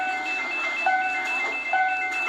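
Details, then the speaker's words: Repeating high electronic alarm tones ringing through hospital halls: a code blue for a man in his 40s with suspected COVID-19 whose heart stopped, at a crowded Toronto hospital. "ringing through the Halls is code blue a man in his 40s just arrived with a suspected case of covid-19 and his heart stopped"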